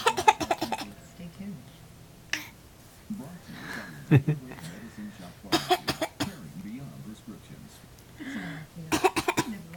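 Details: Ellis doing voluntary fake coughs on request, encouraged by his mother; voluntary (fake) cough.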